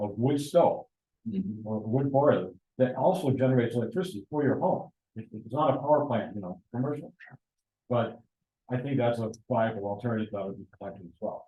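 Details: Adult man speaking; Normal speech.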